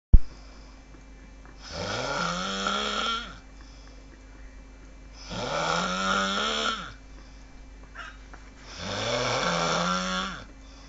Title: worst snore .. ever..